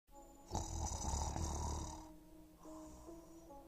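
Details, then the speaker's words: One loud, rattling inspiratory snore with a low vibrating rumble of about a second and a half, over soft background music; snoring during sleep. "की क्यों कुछ लोग सोते हुए बहुत ज्यादा खर्राटे रहते हैं कुछ लोगों में हेरेटो की बड़ी वजह उनकी मुंह में नरम तालुका थोड़ा ज्यादा बढ़ जाना होता है"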